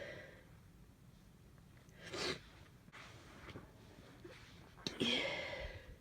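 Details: Two sneezes in a quiet room, first partly stifled, second fuller with a sharp burst, from a person with half a cold, stuffy and runny nose but feeling fine.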